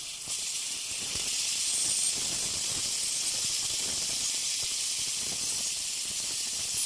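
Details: Ultrasonic piezosurgery bone saw tip cutting vertical sections of a sinus window osteotomy with very little pressure and gentle sweeping motion: steady high-pitched hiss with faint scratchy ticks.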